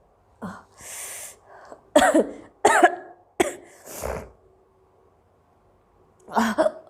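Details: Young Indian girl with persistent hiccups: a few short soft coughs mixed with sneezes and hiccup-like catches in a quiet room.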